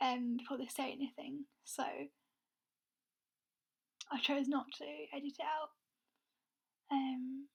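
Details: Stammering (stuttering) in a woman who is also blind; she describes her stammer as struggling to speak, with blocks where no air gets through and words taking a long time to come out.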